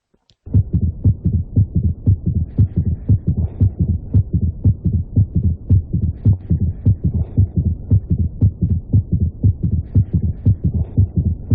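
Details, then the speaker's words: Heart failure teaching example: regular low-pitched heart sounds with a faint added third sound after the second, giving a gallop rhythm, heard by stethoscope; third heart sound (S3 gallop). "ok y pueden oír más o menos se escucha claro no se escucha claro el tercer ruido entonces qué es lo que vemos acá o qué es lo que podemos apreciar primero el tercer ruido en algunos casos puede ser normal"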